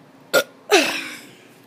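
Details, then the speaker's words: A kid doing deliberate burps after eating fast food: a short burp, then a longer, drawn-out burp. "i'm gonna be doing some burps oh that was terrible sorry i duked my mouth though"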